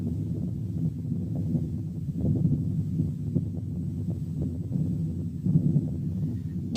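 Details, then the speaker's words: Venous hum heard only over the neck: a continuous low humming murmur that can be abolished by pressing one finger on the root of the neck, a cause of continuous murmur. "سبب تاني للcontinuous murmurs هو الفينوس هام اللي بتتسمع على الرقبة. هنسمع مثال."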